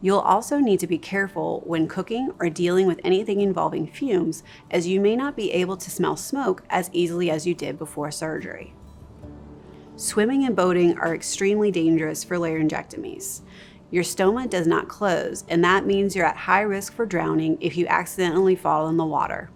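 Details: Adult narrator; typical speech.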